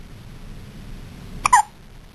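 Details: First hiccups: a single sharp, abrupt hiccup against quiet room noise; hiccup.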